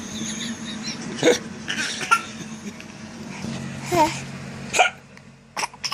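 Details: Hiccups during laughter: a few sharp, brief vocal jolts at irregular intervals over several seconds, mixed with laughing and faint room noise.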